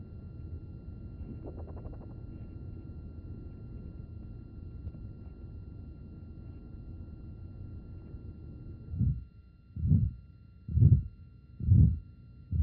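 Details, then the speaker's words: 57-year-old man with aortic stenosis, stethoscope at the shoulder tip showing bone transmission; heart about 66 a minute with a harsh systolic murmur that also radiates to neck, clavicle and elbow. "some of the transmission of this murmur this murmur goes up into the neck you can hear it out the bony clavicle you can frequently hear it at the shoulder tip and sometimes you can hear it down on the tip of the elbow"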